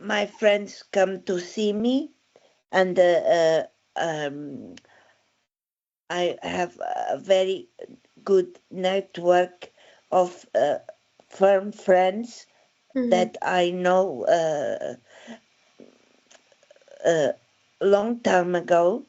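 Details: Aphasia with word-finding difficulty in a woman following a stroke in December 2016.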